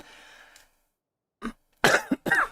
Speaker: Sorry. Um really coughing. I don't know why. I I'll try and like scramble for the mute button next time I feel one coming on, but it's uh yeah, sometimes it's a bit it's a bit out of nowhere.